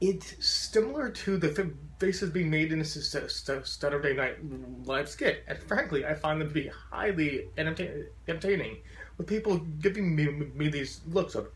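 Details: Adult man with a very profound stutter who uses a SpeakEasy in-ear device when speaking to groups and says his stutter will still be heard; stuttering.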